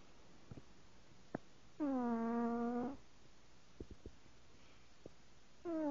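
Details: Male pet cat sound asleep, snoring as he does every time: a soft, tonal, whistling snore during a breath, then another starting, in a quiet room.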